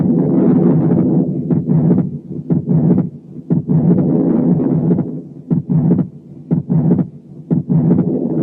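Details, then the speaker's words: Atrial septal defect with wide fixed splitting of the second heart sound, present in both inspiration and expiration. The recording also has a murmur and respiratory noise. "يعني فيكسد سبليتنج زي المثال اللي جاي، برضو شايلين تنفس عن طريق فلترز. ده بيحصل في حالات الاتريال سيبتال ديفكت."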